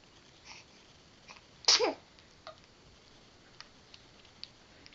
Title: Baby Sneezing